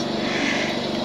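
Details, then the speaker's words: Home oxygen concentrator running in the background, steady mechanical hum with regular low pulsing, for a woman with systemic lupus erythematosus, former smoker with lung damage after severe pneumonias and two months in coma; device keeps her alive. "ese aparato que se escucha de fondo es lo que te da vida prácticamente"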